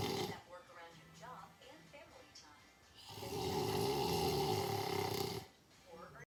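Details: Brief voice sounds, then one long, loud, rattling snore lasting over two seconds, with background music; snoring.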